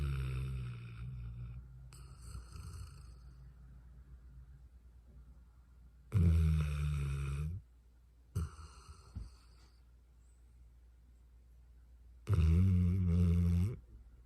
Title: He’s a snoring 😂 #dog #pets #petlover #petowner